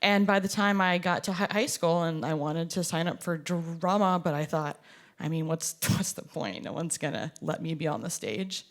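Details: Performer who stutters, with audible part-word repetitions; stuttering.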